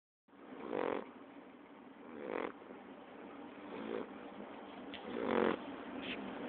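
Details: Quiet snoring: soft, rough breathing noises recurring every one to one and a half seconds over a steady hiss.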